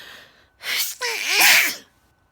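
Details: Person sitting outdoors under a summer pavilion tent at night, in a bout of repeated sneezing: a quick indrawn breath, then one loud, explosive, voiced "achoo". Sneezing.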